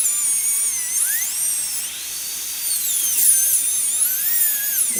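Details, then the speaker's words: High-speed dental handpiece running, a high-pitched whine rising and falling as it makes another cut about 90 degrees away in the seized nut of a stuck low-speed handpiece, to spread the nut and free it. "So we'll hit one more here. And really what we're trying to do is give ourselves room to flex."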